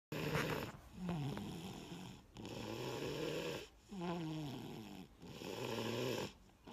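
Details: Sleeping toddler with loud rattling snores on each breath; obstructive sleep apnea with snoring.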